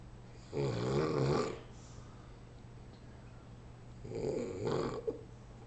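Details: Two low, rumbling, fluttering snores about three seconds apart over a steady background hum; habitual snoring.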